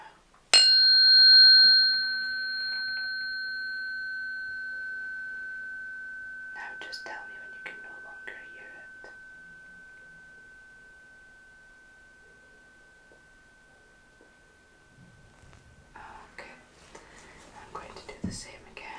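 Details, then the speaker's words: Simulated ASMR cranial nerve exam, Rinne hearing test: a tuning fork (128 or 512 Hz) is struck and held beside the ear, ringing with a steady pure tone that slowly fades. "Okay, so for the Rinne test, I I'm just going to put this I'm going to strike it and pop it to the side, just next to your ear, if that's okay. Right. Striking it now."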